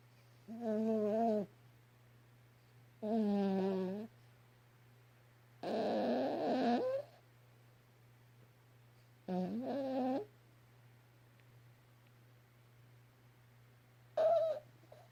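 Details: Yorkie dog snoring loudly, five drawn-out snores about 2 to 4 seconds apart over steady low room hum.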